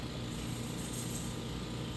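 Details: Continuous low motor rumble with hissing airflow: a portable suction aspirator running during nasal suction of a child held by a caregiver, in home-care respiratory physiotherapy.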